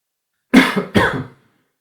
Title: 1 hour of silence broken by coughing